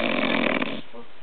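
A single loud, rough, rattling inhaled snore, then quiet.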